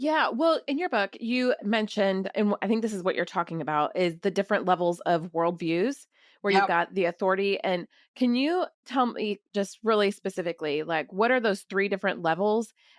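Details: Adult woman speaking; normal speech.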